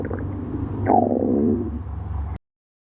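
A low, rumbling gurgle that rises into a brief squeaky growl and then fades: ordinary stomach growling from gas and fluid moving through the gut.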